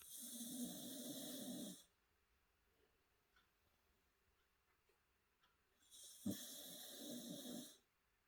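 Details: Cockapoo dog asleep at the table: two harsh, fluttering snores about six seconds apart, separated by quiet; ordinary snoring.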